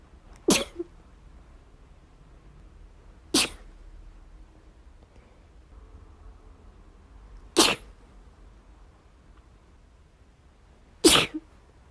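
Four sharp, brief sneezes a few seconds apart against a quiet room, a small animal's sneezing fit.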